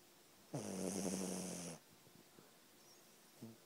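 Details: Sleeping puppy giving one rough, fluttering snore lasting over a second, then the faint start of another; ordinary snoring.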